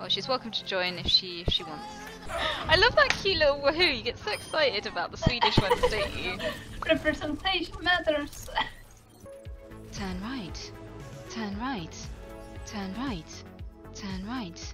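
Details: Real Tourette syndrome in a live streamer, with involuntary vocal tics including swearing and phrases; the streamer describes sometimes trying to suppress tics; finding: Tourette syndrome vocal tics.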